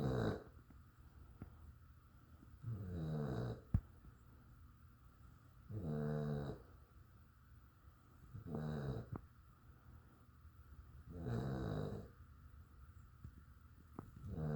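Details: A dog snoring in sleep: rhythmic rattling snores about every three seconds, roughly 20 a minute, with quiet gaps between.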